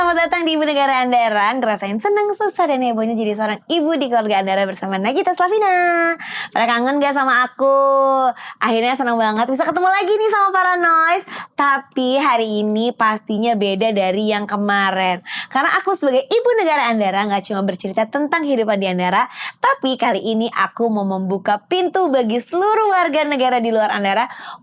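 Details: Adult woman; typical speech.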